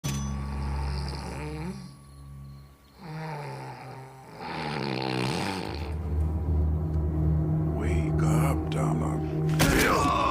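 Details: Loud, rattling snores in repeated low rumbling bursts from a sleeping man, acted for a film, with some music and room noise behind them: snoring.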